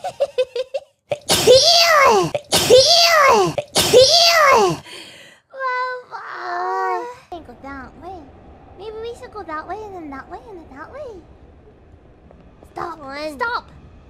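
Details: Mococo (VTuber) sneezes in a train: three forceful sneezes in quick succession, a double and triple sneeze, then high-pitched giggling and chatter.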